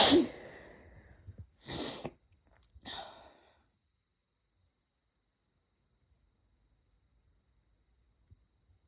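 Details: Leftover symptoms after a cold, with chest pain and bad barking coughs: three sneezes in quick succession, a loud first burst then two sharp, hissing sneezes, then quiet.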